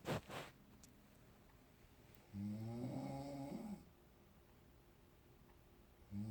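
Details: An adult's mother snoring while asleep in a shared hotel room: a long, low, fluttering snore on the in-breath, with a brief snort before it and the next snore starting at the end, over quiet room noise.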